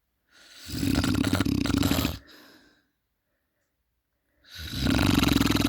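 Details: Two loud, rattling inhaled snores separated by a silent pause from a sleeping adult man; heavy snoring.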